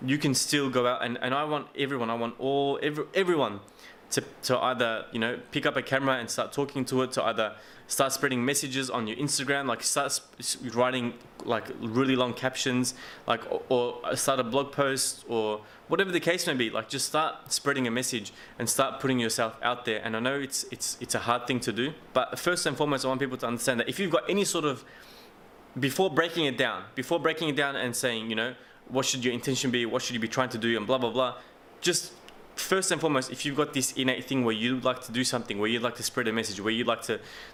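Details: Adult male with a self-described mild stutter or stammer, not a bad one, with getting stuck for words, mumbling, slurring and fast speech; stuttering.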